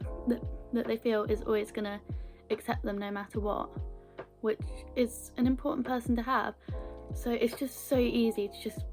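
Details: Stammering (stuttering) in a woman, onset around age 11 or 12, with blocks and repetitions; she has had therapy.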